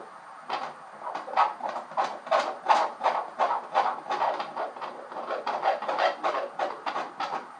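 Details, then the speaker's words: Fetal heartbeat on Doppler at a 20-week ultrasound: rapid, steady whooshing pulses at 165 beats per minute, a normal fetal heart rate. "And so the baby's heartbeat today is 165 beats per minute, so that's just fine."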